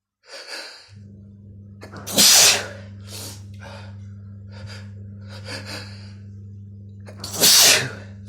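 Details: Sneezing attack: quick gasping in-breaths building to two forceful sneezes over a steady low hum; a run of sneezes.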